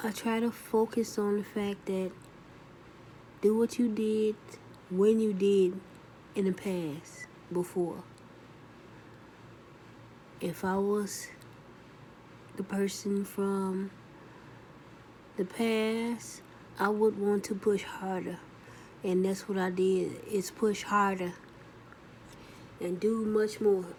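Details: Adult woman after a second stroke, with left arm paralysis; speech still healing, with delayed word-finding, frequent pauses and 'you'/'I' confusion; post-stroke aphasia (dysphasia).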